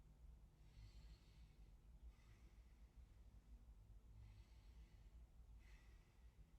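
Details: Chest auscultation of a male patient taking slow, deep breaths during a nursing respiratory assessment: soft, airy sounds in and out with no wheeze or crackles; normal breath sounds.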